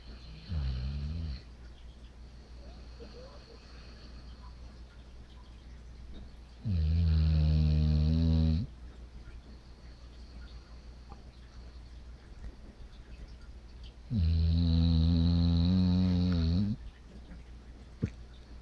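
Deep, rumbling rattled snores on the in-breath, about every seven seconds, with quiet breathing between: loud snoring.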